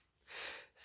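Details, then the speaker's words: A single soft, airy snort-like breath from a small dog sleeping beside the speaker during a meditation talk: a light snore. "vous entendez peut-être les petits ronflements de ma chaîne tant pis c'est un partage"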